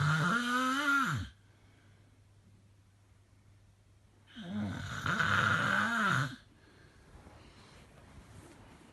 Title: Really bad snoring